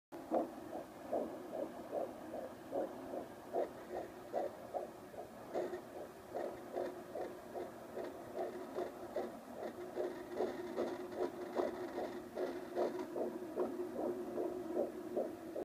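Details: First use of a home fetal Doppler: rapid, regular whooshing fetal heartbeat, about 150 a minute, with steady hum between beats.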